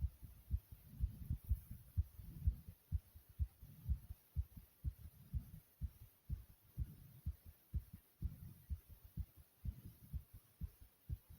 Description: This video here let's you hear my heart beating really quickly.